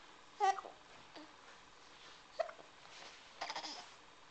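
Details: Person hiccuping while sitting in his chair, recorded on a Flip Video camcorder: three brief, abrupt voiced catches a second or so apart in a quiet room; hiccups.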